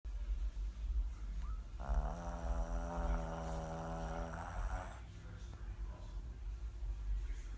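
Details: Two-year-old male pug asleep on a chair, snoring: a single drawn-out, whistling snore lasting about three seconds over a low background hum.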